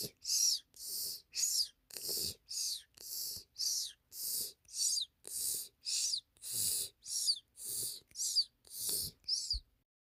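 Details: Kirby, a sleeping pet, snoring: rapid regular hissing breaths about 50 a minute with high whistling and squeaky talking-like notes.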